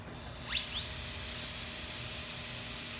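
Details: High-pitched whine rising and holding steady, a dental drill running during a dental procedure on a sedated tiger undergoing a full wellness exam.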